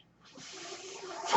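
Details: Mechanical ventilator sound heard while the user speaks, identified by the speaker as the noise of their own ventilator.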